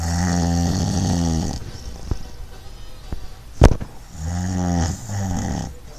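Loud, deep, rattling snores on the in-breath, with a quiet pause between them; typical snoring.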